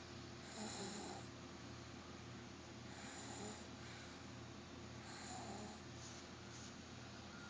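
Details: Low, rattly snoring repeating about every two and a half seconds over steady room hum; regular snoring in sleep.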